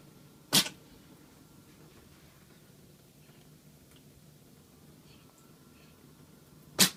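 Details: Male Norwegian Forest Cat kitten sneezing repeatedly after getting tap water in his nose: two sharp, high little sneezes about six seconds apart, with quiet in between; sneezing.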